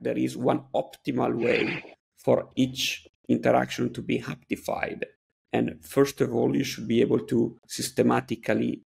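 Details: Adult male speaker; typical speech.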